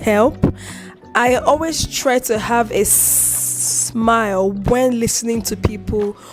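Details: Adult woman with a chronic stutter (stammer), publicly disclosed about two weeks earlier; she reports eye twitching and unusual mouth movements during blocks, managed by gesticulating and deep breaths; stuttering.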